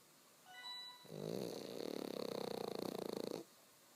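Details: Pug snoring: one long rattling, fluttering snore on an in-breath after a brief tone in a quiet room.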